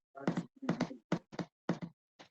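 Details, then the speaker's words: Simulated arrhythmia knocked out in a teaching demonstration of cardiac pathophysiology: paired beats with uneven gaps and a long pause before a final beat, the rhythm said to shift between 100 and 60 beats per minute. "y de pronto hace. ¿Se dan cuenta? Entonces el ritmo está alterado. De pronto lo ponemos a un ritmo de 100 latidos por minuto y al otro rato está pasando a un ritmo de 60 latidos por minuto."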